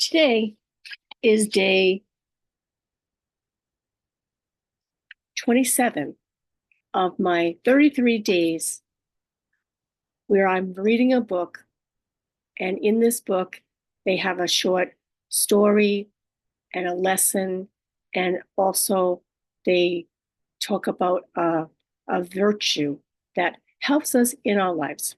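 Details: Adult woman living with aphasia, apraxia of speech and dysarthria after a stroke, with right-sided hemiparesis. Finding: aphasia with apraxia of speech and dysarthria.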